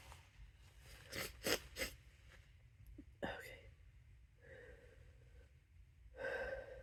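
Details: Adult's loud, harsh sneezes deliberately induced with something placed in the nose: several sharp, explosive sneezes in quick succession, with gasping, snorting breaths afterward.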